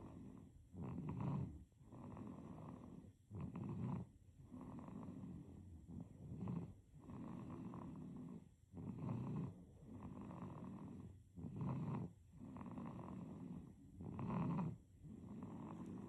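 Soft, rhythmic rattling snores on each breath, roughly 12 breaths a minute, from a sleeping baby; snoring.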